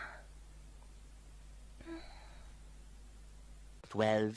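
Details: Girl sneezing, tagged allergies and sinuses: quiet room with a soft breath, then one sudden loud voiced sneeze.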